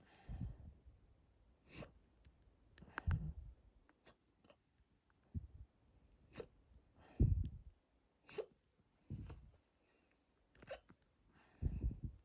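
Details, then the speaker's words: Hiccups induced by drinking lots of water, stomach bloated and tight, recorded at the stomach: abrupt, low, muffled jolts every one to two seconds, about eight in twelve seconds. "But these are really starting to hurt my chest and throat a bit. So I'm gonna end this here and cure them."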